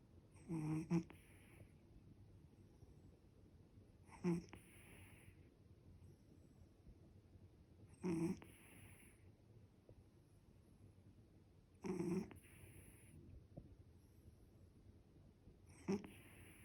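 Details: A sleeping pet cat snoring like a man: loud, rhythmic snoring, about 16 snores a minute, each a short rattling inhale over quiet room noise; snoring.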